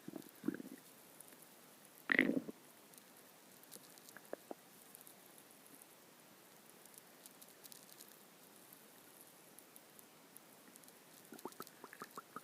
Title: My stomach growling